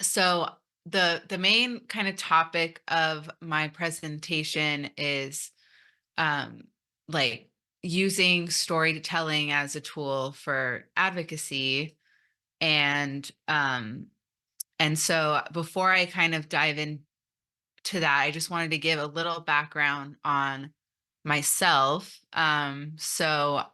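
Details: Stuttering in an adult woman who came out as a person who stutters almost 3 years ago after 29 years of denial, giving a conference talk.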